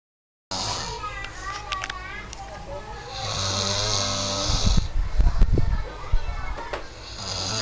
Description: Loudest Snore ever made...